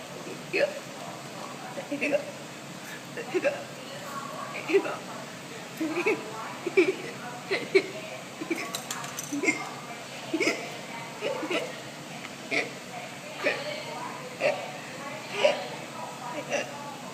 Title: The hiccup kid